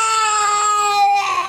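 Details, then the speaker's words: Young child crying in the morning: a brief, loud, high-pitched sustained wail. "this is Daddy who just woke up because of a crying baby let's take a look at the crying baby"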